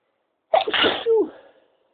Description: a variety of my sneezes